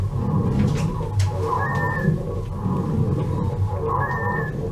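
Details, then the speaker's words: Virtual simulator of a child with acute bronchiolitis: harsh breathing with dry whistling wheezes over the whole lung surface, with heart rate 110, respiratory rate 25 and SpO2 94%. "На всей поверхности легких выслушивается жесткое дыхание, а также сухие, свистящие хрипы."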